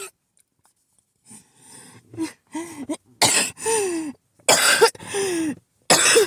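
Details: Harsh coughing fit that kept waking the person, who mentions an asthma attack: run of harsh, forceful throaty coughs with brief pauses, ending in strained, effortful coughing.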